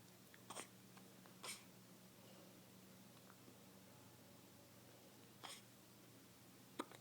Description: hiccups at 3 weeks old